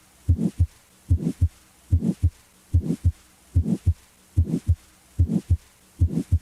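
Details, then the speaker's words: Teaching demonstration of a mid-systolic murmur, as in physiologic flow murmurs or aortic stenosis: a regular heartbeat of about 73 per minute with a crescendo-decrescendo murmur that starts after S1 and stops before S2, with audible gaps. "a mid-systolic murmur as heard in physiologic flow murmurs or aortic stenosis begins after s1 and stops before s2"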